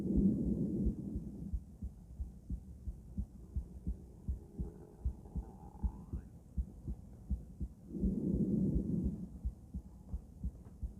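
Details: Female heart auscultated with different stethoscopes, moving through Erb's point, mitral, tricuspid, aortic and pulmonic sites; steady soft lub-dub with breath noise swelling between beats; normal heart sounds, no extra sounds.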